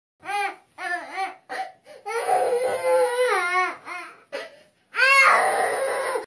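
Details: Infant crying with mother present: short rising and falling wails with brief pauses, then a longer sustained cry.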